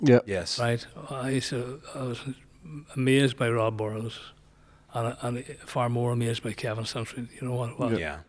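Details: Man nearly 65 with Parkinson's disease, voice problem noticed before diagnosis, also word-finding difficulty; hypokinetic dysarthria (Parkinson's disease speech).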